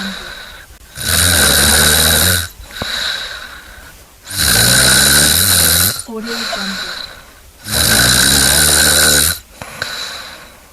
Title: Snoring compilation 109